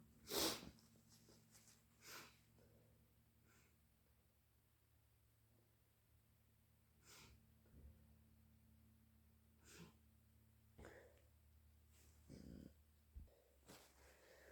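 One loud sneeze burst, then several softer sneezes, snorts and nose blows over a steady room hum; repeated allergy sneezing.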